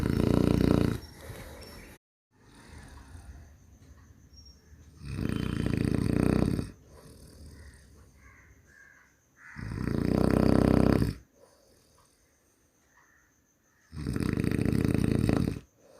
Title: மனிதனின் குறட்டை ஒலி | குறட்டை சத்தம் | Snoring sound